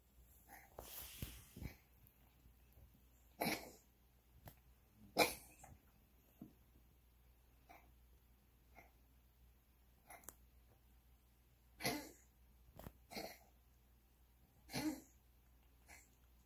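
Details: 17-year-old Siamese cat with feline asthma, treated twice daily with albuterol inhaler via AeroCat chamber, during an asthma attack: repeated short, harsh coughing and wheezy hacking bursts.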